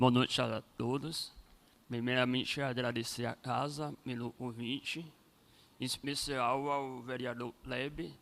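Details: Adult man born with cleft lip and palate; first surgery at age 5, second at about 18, and his voice never fully rehabilitated; cleft lip and palate speech.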